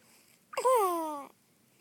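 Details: Newborn girl, 3 days old: a single sudden burst, then a short voiced, falling 'choo'-like sound in a quiet room; one sneeze.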